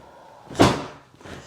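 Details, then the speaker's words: Adult woman getting a chiropractic sacral adjustment delivered on the exhale after deep breaths, for a sacrum said to be jammed up: a single dull thud. "So your sacrum was a little jammed up right there. So that's going to help with that motion."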